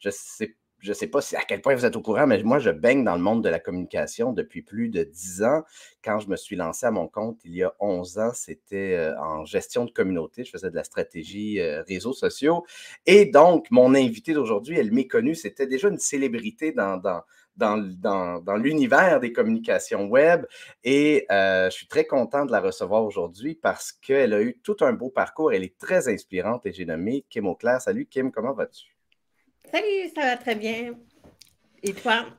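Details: Adult male host speaking French; Typical speech.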